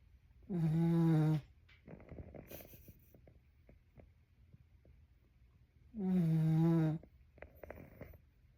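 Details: Snoring on a cold day: two long, loud, buzzing snores about five seconds apart, with quiet rustling between them; ordinary snoring.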